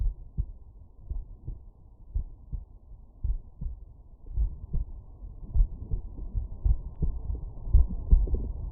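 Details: Heart sounds through a stethoscope at the mitral area, patient lying on right side: steady low-pitched lub-dub, regular, about 55 beats a minute, faint rumbling background noise.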